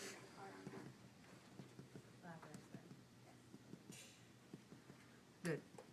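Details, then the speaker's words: Dull percussion note heard during a teaching physical exam, as percussion moves back up and the sound turns dull again. "it's coming back up so it's just sounds really dull again"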